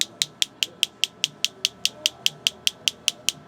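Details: Crisp, very regular clicking pulses at about 146/min from a new focused shockwave therapy device during a chiropractor's first treatment, seemingly around the shoulder; he feels deep achiness at tender trigger points.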